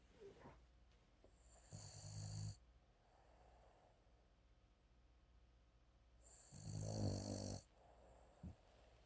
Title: Startled sleeping Tater #snoring #frenchton #dogs